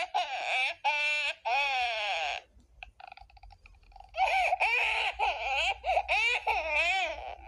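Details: Baby girl crying in a sound-effect recording: repeated high-pitched crying bursts with brief pauses between cries.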